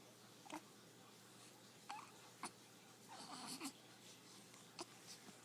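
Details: Hiccups: about five quiet, abrupt gulping catches at irregular intervals over low room noise.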